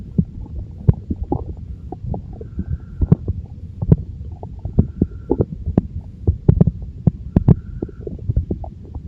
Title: Sound stomach growl and chest rub